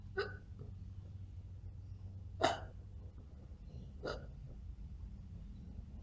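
Three sharp, brief gulping hiccup sounds at irregular intervals, possibly voluntary rather than true hiccups.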